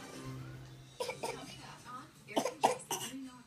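A few short, sharp coughs from a child, mixed with voices and music in the background.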